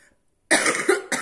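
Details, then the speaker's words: Cough from an adult who is still a little sick. "Pardon, je suis encore un peu malade."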